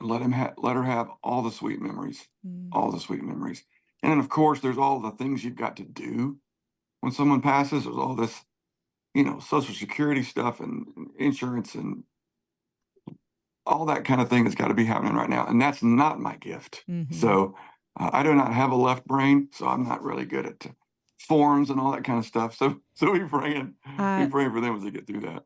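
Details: Adult male singer with spasmodic dysphonia, worse when talking than singing, voice goes gravelly at times, voice therapist works on his neck before concerts, prior cancer diagnosis and treatment; spasmodic dysphonia.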